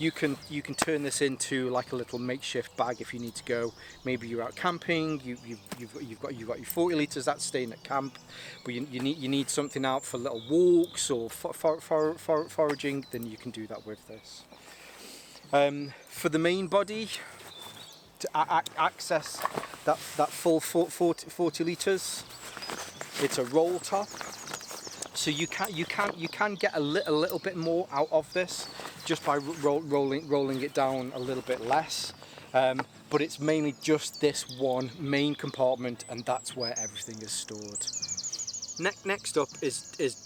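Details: Stuttering in an adult man whose stammer is linked to his anxiety; he takes propranolol, which he says has helped, and the stammer is lingering but improving, easier when talking on camera.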